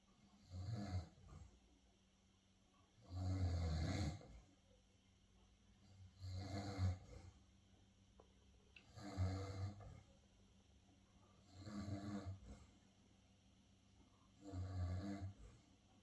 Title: Mini schnauzer Beni snores .